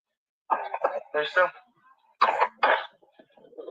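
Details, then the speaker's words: A young child at a park, recorded on a livestream, gives a few short, light coughs with a brief adult voice between them; the narrator questions whether this is just a normal light cough. "the child is coughing but he said the child was okay when he handed over the child does this cough sound like somebody that is okay does this sound like just a normal light cough"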